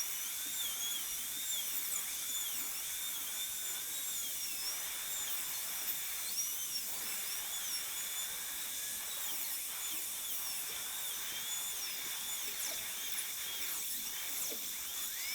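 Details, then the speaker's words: A high-speed dental handpiece gives a whine rising and falling in pitch, with suction hiss, while roughing out the isthmus and mesial box of tooth #18 on a typodont for a gold onlay preparation. "whenever you're doing uh working inter-proximally i recommend as much as possible to use direct vision if you can and so i'm able to directly visualize this as i drop a box toward the mesial aspect"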